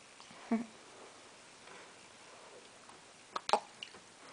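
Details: Young girl with hiccups: two brief, abrupt catches in a quiet room, a short jerky gulp then a sharper double catch; hiccups.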